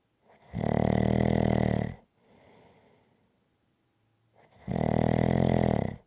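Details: Loud, rattling snores on each breath in, with a quiet breath out between them; rhythmic snoring recorded as ASMR.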